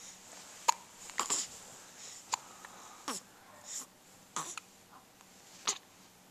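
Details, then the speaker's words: Hiccups in an almost one-month-old baby; about six short, sharp throat catches at irregular intervals over several seconds, heard over quiet room noise. "pick up yeah I have the hiccups they're annoying"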